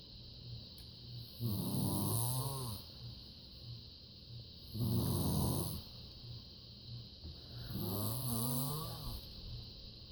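Three loud, rattling snores on the in-breaths, about 19 a minute, with quiet out-breaths between; steady hum in the background. Snoring.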